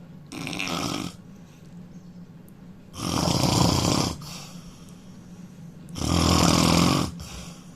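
Three loud, harsh snores, one every three seconds or so, with quiet breathing between: heavy snoring at about 20 breaths a minute.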